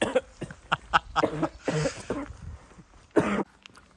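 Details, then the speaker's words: Child off school all week with the flu: a run of short harsh coughs, then a longer rougher burst; cough. "he definitely didn't do that cough on purpose, did he? That's what he's like. He just does it all the time."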